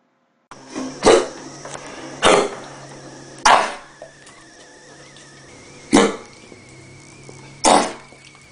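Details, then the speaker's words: Five loud, brief, horn-like coughs spaced irregularly over eight seconds: honking cough, typical of psychogenic cough. "ده مثال للهونكينج كاف اللي هو يساوي سايكوجينيك كاف."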